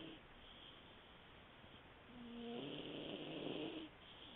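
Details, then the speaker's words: A sleeping male cat gives a soft breath, then a longer buzzing, rattling snore on the in-breath; snoring. "Hey, sleepy boy. Sleepy. You're snoring again."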